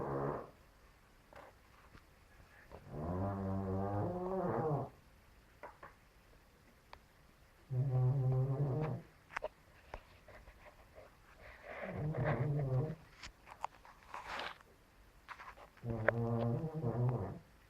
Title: My cat snoring like a bear :)